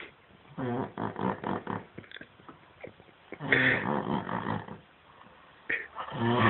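Loud rough snorting and growly breathing sounds in bursts with short gaps. Snoring.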